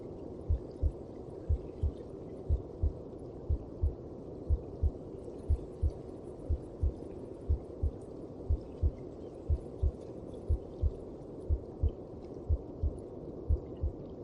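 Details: Heartbeat heard inside the mother's belly: steady low thumps at about 60 per minute over a constant low hum.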